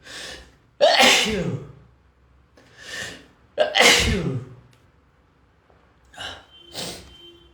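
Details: Adult male sneezing: two forceful sneezes, each preceded by a gasping inhale, then two smaller sneeze-like bursts.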